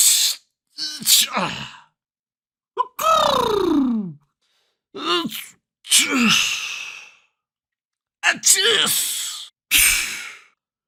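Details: About six separate human sneezes in varied styles from a sneeze sound library, each a sharp indrawn breath then an explosive burst.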